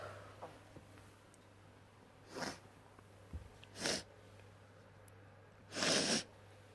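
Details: Three wet sneezes, each louder than the last, in a quiet room.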